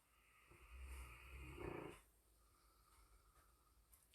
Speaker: can hear my dog in the background snore and then i apologize so it's not demonic it's my dog snoring in the background